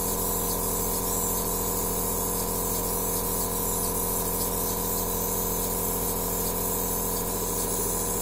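Steady mechanical hum with a fast pulsing buzz and hiss of spray, the continuous running sound of a nebulizer delivering aerosol.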